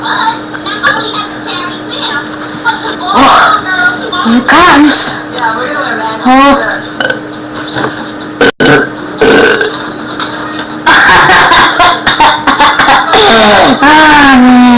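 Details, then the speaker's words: A series of loud, drawn-out burps, some with a rippling, vocal quality, with brief gaps between them; ordinary belching. "Hello, I'm going to do a few more burps for more views and ratings. I'm going to give you more."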